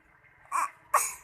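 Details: A young child gives two short, breathy cough sounds, imitating the mother's cough.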